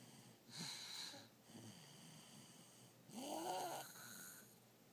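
Two noisy, rattling breaths about three seconds apart, with a whistling, snorting edge on inhalation; snoring.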